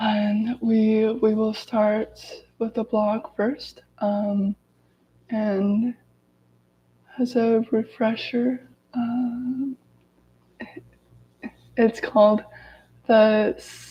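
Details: Adult woman with lifelong daily stuttering reading aloud from a self-therapy book to demonstrate her stutter; stuttering.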